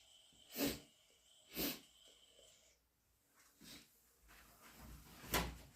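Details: Half-stifled sneezes induced by wet cat allergy: several short, muffled bursts of air with a faint catch.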